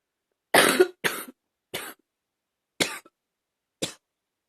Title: #38 simply coughing